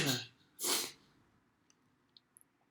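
A short intake followed by one sharp, explosive sneeze, then quiet with a few faint clicks.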